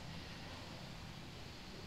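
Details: Steady low mechanical hum and hiss of an iCare compressor nebulizer inhalator running continuously, tested after unboxing.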